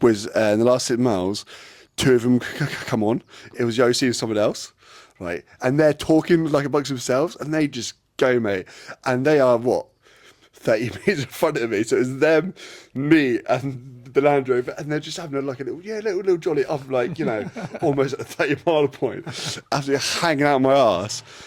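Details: Adult man with a lifelong stutter (speech impediment); stuttering.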